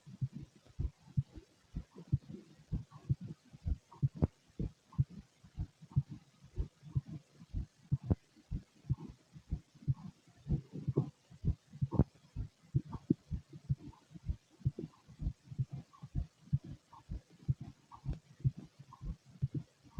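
Steady low thumping heartbeat at about 62 beats a minute with faint background rumble; a normal resting rate.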